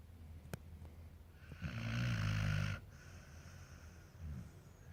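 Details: One loud, rumbling, fluttering snore on an in-breath from a sleeping American Akita dog, followed by a softer breath; snoring.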